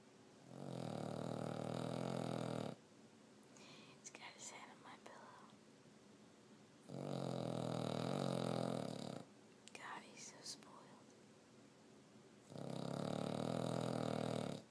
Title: Dog Snoring